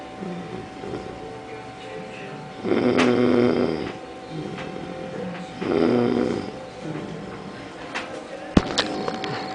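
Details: Person with flu and a blocked nose who could not breathe well: two loud, rough, rattling snores about three seconds apart over room hum, about 20 per minute, with a click near the end; snoring.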